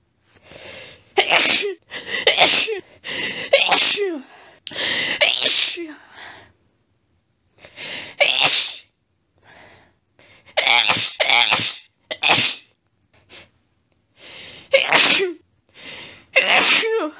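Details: Adult female sneezing fit in bed, triggered by a friend's cat lying under her chin after a sneezy day: about a dozen rapid, forceful wet sneezes in quick sets with short gasping intakes between.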